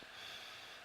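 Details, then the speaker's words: Normal, clean breath sounds: a brief, soft, even airy hiss of a deep breath in, heard by stethoscope over the upper chest just above the nipple during an EMT medical patient assessment demonstration, patient asked to take a deep breath. "And you should hear a clean breath sound go in."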